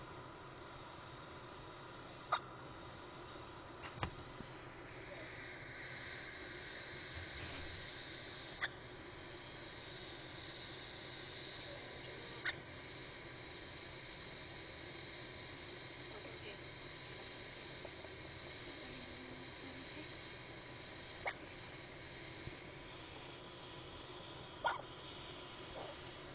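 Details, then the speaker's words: Infant has hiccups; faint, brief squeaky clicks recur every few seconds over a quiet hiss, as he squeaks with each hiccup. "has the hiccups and you can actually hear him make a squeaking noise every time he Hicks up it was pretty funny"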